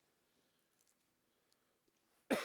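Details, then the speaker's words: A lingering cough from a recent sinus illness; the person reports a negative test. "Like I said, obviously you can hear it. I'm still got that cough"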